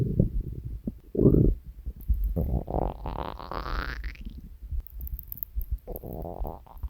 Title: Three Years of Hungry Stomach Growls!